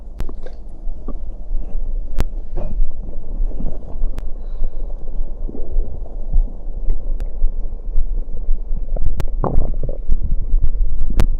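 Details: Stomach growling after drinking cider: continuous low rumbling and gurgling with scattered clicks; ordinary borborygmi.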